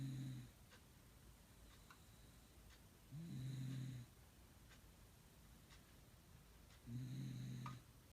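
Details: Pet dog snoring: three low, rumbling snores about every 3.5 seconds, roughly 17 a minute, with quiet room noise between them.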